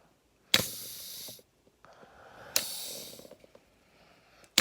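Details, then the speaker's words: Homemade Arduino-controlled ventilator driving a bag while the PEEP valve is adjusted: two hissing gas-flow bursts about two seconds apart with valve clicks, cycling roughly 30 times a minute; mechanical ventilator cycling. "so that's a demonstration of our ventilator peak pressure peep pressure post inspiratory pause respiratory rate is going to be set through the UI"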